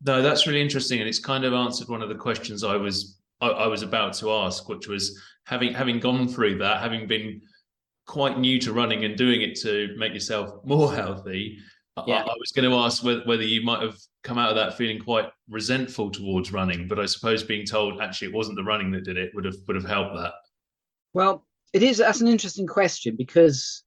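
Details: Adult male speaker; none.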